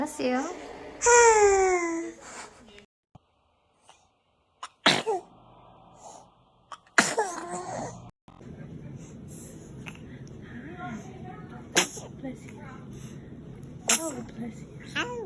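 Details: A baby's small ordinary sneezes followed by soft cooing and babbling, with background music.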